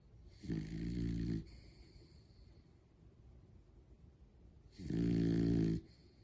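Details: Adoptable rescue dog asleep: two loud, low, rattling snores about four seconds apart with quiet breathing between; snoring.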